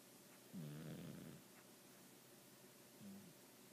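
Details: A sleeping pet cat that a vet found healthy, just a snorer, and that the owner props up with pillows: soft, low buzzing breaths, one longer and one brief, as light snoring.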